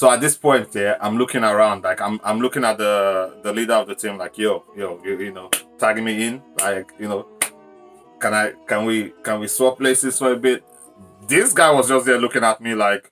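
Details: Stuttering (stammering) in a man whose onset was sudden at age 14 while interpreting in front of a church crowd; it persisted for years, worsens when nervous, and is now much improved.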